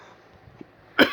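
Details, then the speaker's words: Adult man, mid-monologue, says he is still coughing and apologizes; a single short, loud cough bursts out after a quiet moment. "sorry man i'm still coughing up i'm dying more first"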